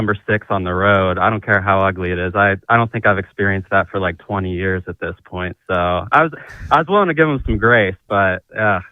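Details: Adult male speaker; Normal speech.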